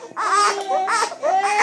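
Short bursts of high-pitched, wailing crying from an infant, about three cries in under two seconds; an ordinary infant cry.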